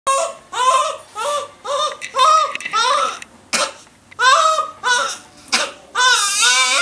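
Newborn crying in short, rhythmic high-pitched wails with brief breaths between, typical of a hunger cry.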